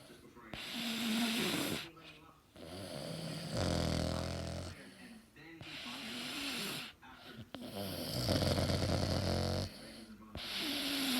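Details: Snoring in a male (boy), recorded 1/2017: loud rattling snores on each breath in and out with a whistling, groaning tone, about five breaths in eleven seconds; heavy snoring.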